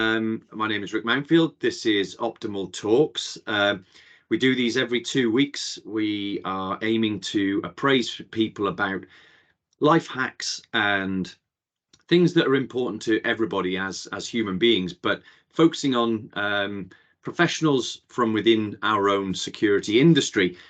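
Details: Adult male speaker; normal speech.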